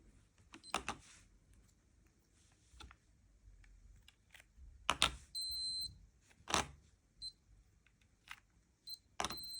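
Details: Lifechek Stick blood glucose meters in a repeatability test comparing two devices with serial measurements, by a person with type 1 diabetes: short high beeps and a longer tone among handling clicks and taps.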